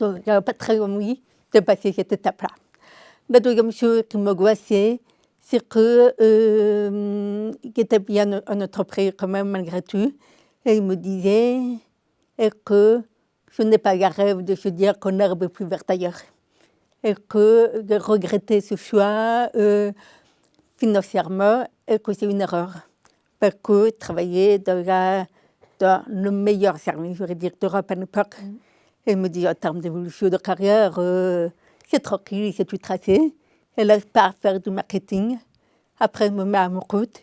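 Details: Adult woman with congenital deafness diagnosed at 9 months; a doctor predicted she would never speak; oral speech learned through 20 years of speech therapy, three sessions weekly; she says her deafness is audible in her voice; deaf speech (congenital hearing loss).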